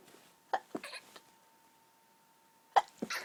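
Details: Allergy-related sneezing from a sensitive, tickling nose, partly stifled: two short bursts with gasping build-ups, each a sharp muffled puff instead of a full explosive sneeze.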